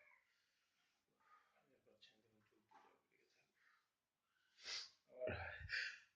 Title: Funny Video with Sneezing Problem